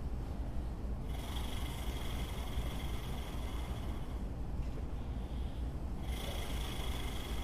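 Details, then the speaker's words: Low, rapidly fluttering vibration as air is blown steadily through an Acapella oscillating airway clearance device, demonstrated for COPD pulmonary rehabilitation to mobilize secretions; used in sets of five, sitting or lying. "you wrap your mouth around the mouthpiece and blow you could do this for three sets of five in any position that you want"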